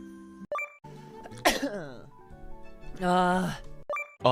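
A sharp, explosive burst with a falling voiced tail, then a loud drawn-out vocal sound, over steady background music; a single sneeze.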